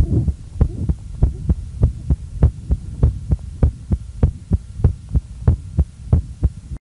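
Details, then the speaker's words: Regular heartbeat near 100 a minute with a low hum and soft sounds between beats: hypertrophic obstructive cardiomyopathy murmur in a man, rising obstruction and mitral regurgitation on standing from squatting. "upon standing he will quickly go through increasing obstruction and on to mitral regurgitation"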